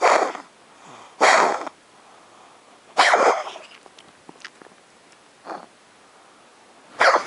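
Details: A cat coughing at 3 am: a series of harsh, explosive coughs separated by quiet pauses.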